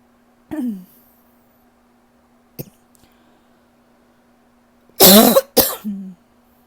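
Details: A throat-clearing grunt, a small click, then a harsh double cough with a voiced tail, from a person who cannot shake a lingering cough; persistent cough.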